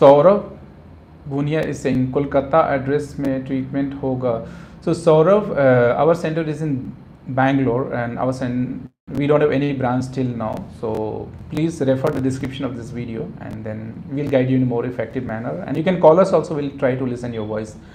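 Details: Adult male speaker; normal speech.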